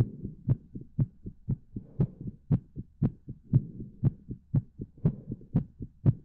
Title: My Pleasure Heartbeat